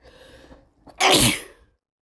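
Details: Sneezing from a cold, possibly male: a short inward catch of breath followed by one loud, forceful sneeze.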